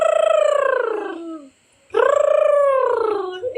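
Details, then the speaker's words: An imitation of a partner's loud night-time snoring, likened to construction noise: two long, rattling, buzzy voiced sounds with a gap between them. "I'm so sorry for my snoring. Like it sounds like someone is building a someone is constructing. You know, construction is going on."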